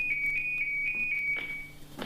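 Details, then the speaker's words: LifeVest wearable defibrillator worn by a man after a heart attack, alarming at night as he went into cardiac arrest and it began shocking him: steady high-pitched electronic warbling with quick repeated pulses, then a brief rustle. "two days after Izzy's wife Bonita was woken up in the middle of the night by the life vest"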